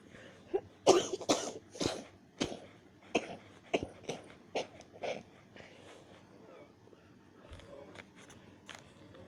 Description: This was rough i was damn near choking